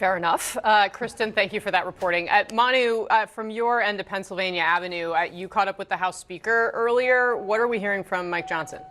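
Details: Adult woman speaking; normal voice.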